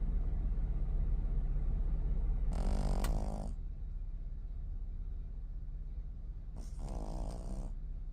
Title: Pug pup snoring. #pug #animals #snoring #snore #sleep #puglife